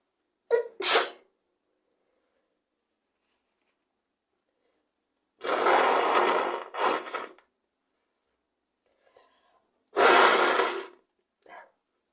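Three bursts of sneezing, each a sharp explosive blast of air, some with a quick double burst, during a cold.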